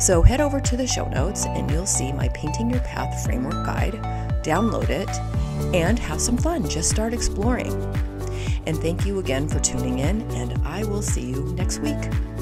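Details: Adult woman with spasmodic dysphonia, who identifies with the spasmodic dysphonia community and finds phone calls challenging because people often cannot understand her; spasmodic dysphonia.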